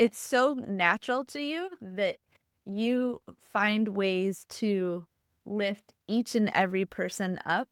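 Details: Adult woman speaking; typical speech.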